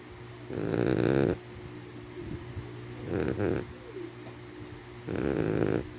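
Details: Sleeping puppy snoring: three loud, fluttering snores on the in-breaths, about two seconds apart, over a steady background hum.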